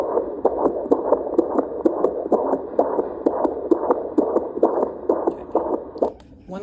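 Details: Fetal heartbeat at 38 weeks of pregnancy: rapid, regular whooshing pulses at about 130 beats a minute.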